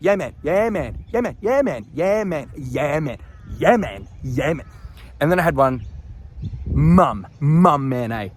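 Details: Man with Tourette syndrome deliberately demonstrating a repeated phrase from his own childhood (reenacted, not spontaneous); palilalia.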